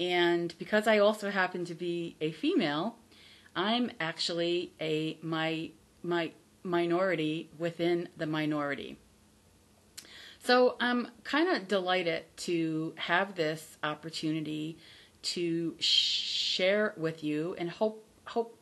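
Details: Adult woman who stutters, formerly a covert stutterer, not recovered from stuttering but from the fear of it; says her stutter is audible on careful listening; stuttering.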